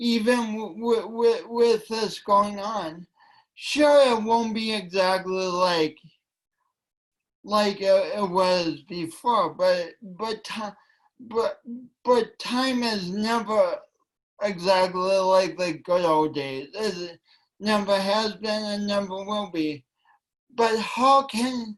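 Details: Speech impediment in a woman; she says it affects her voice and coordination and that she tried to deny it for years.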